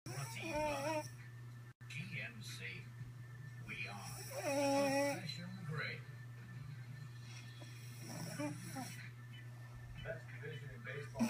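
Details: Rough, whistling snores from sleepers, with faint background talk and a steady low hum; snoring.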